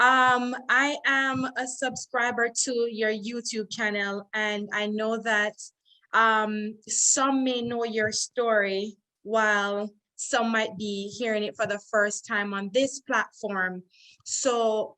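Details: Adult woman; normal speech.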